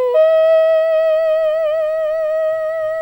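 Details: Patient 2 months after scissors removal of a small hemorrhagic polyp in the middle of the right vocal cord, vocal cords quite flexible at low and high pitches; normal phonation after vocal cord polyp removal.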